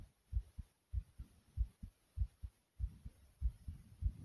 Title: Pounding Heartbeat Strong